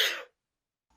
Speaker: Sneezing is a natural reaction. When dust, germs, or other stuff enter your nose, it will cause a reaction.